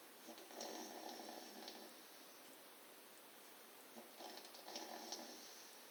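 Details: Two soft, rough snoring breaths over a few seconds from a sleeping dog named George, with faint room noise; snoring.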